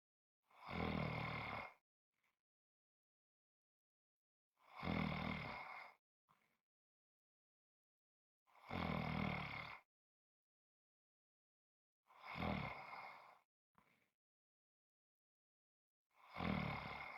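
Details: Snoring: loud, rumbling snores on each breath in, about every four seconds (around 15 a minute), with short quiet breaths out between them.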